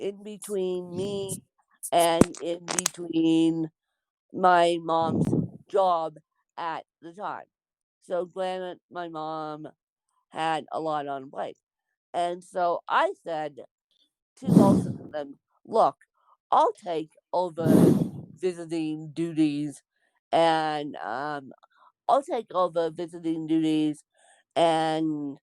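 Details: Dysarthria in an adult woman with congenital cerebral palsy (born with CP), real speech.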